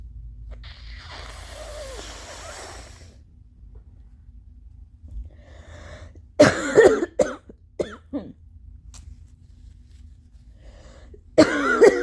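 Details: An adult blows their nose, then gives a run of loose, phlegmy wet allergy coughs, with one more cough after a pause; wet productive cough.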